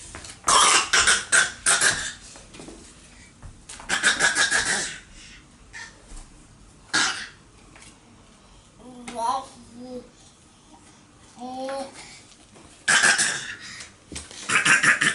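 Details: Adult walking and coughing: repeated bouts of harsh, noisy coughing with brief voiced sounds between bouts; cough.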